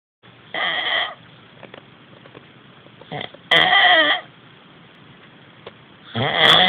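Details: A sleeping friend thought to have something wrong with his sleep makes three loud, harsh, rattling snores separated by quiet pauses, sounding as if he is choking; loud snoring.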